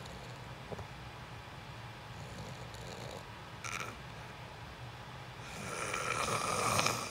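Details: Adult recorded sleeping for a sleep ASMR video: quiet room noise and soft sleep breathing, then one louder, rough rattling breath near the end, typical of snoring.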